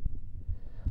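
Two soft, low thuds, the first and second heart sounds, heard by stethoscope over the apex; normal heart sounds.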